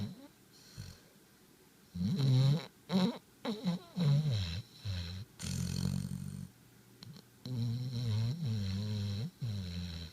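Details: Snoring while asleep with tongue out: loud, rough, low fluttering snores in irregular bursts with quiet gaps, in a small room.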